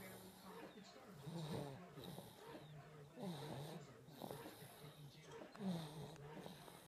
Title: Baby snoring